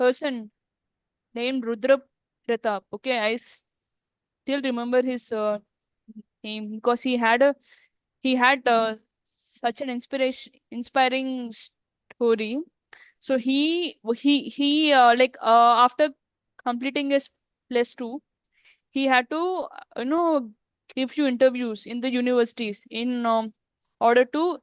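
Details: Adult woman who stammers, speaking in an interview, with word and part-word repetitions; stuttering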